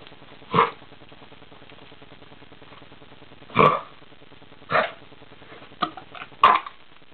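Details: Dog that had been up all night with kennel cough, recorded at 5 am: several short, harsh hacking coughs over steady background hiss; kennel cough.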